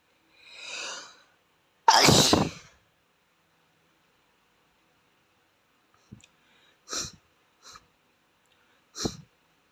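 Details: Boy: a soft inhaled build-up, then one forceful sneeze, followed by several small sniffs as his nose runs.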